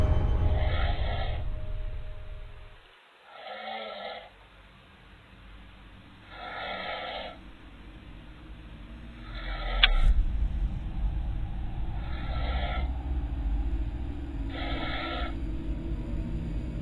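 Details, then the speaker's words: Adult man deep asleep on a far couch, recorded at night by a living-room home security camera; regular rasping snores, about six in seventeen seconds, heard at a distance; snoring. "Her brother was deep asleep on the far couch. You can actually hear him snoring when, at around the 1 second mark, the front door begins to swing inward [music] slowly and silently, all on its own."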